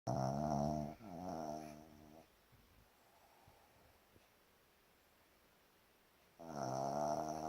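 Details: A sleeping dog snoring: two fluttering, groaning snore sounds with a long quiet pause between them.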